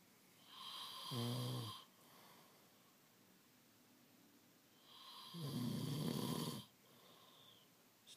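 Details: Adult man asleep, snoring loudly before his partner wakes him: two long, rough snores, each a low rattling inhalation followed by quiet breathing, with faint room noise.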